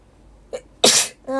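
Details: Young Japanese woman sneezing: brief breathy intake, then one sharp, explosive high-pitched sneeze, followed by the start of a voiced sound.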